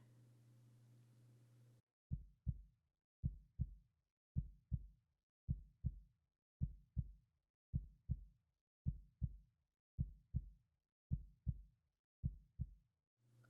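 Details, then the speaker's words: Steady paired lub-dub beats at about 54 a minute after a brief hum at the start; regular normal heartbeat recorded close to the microphone as background for a roleplay. "I can feel your heart beating against my chest."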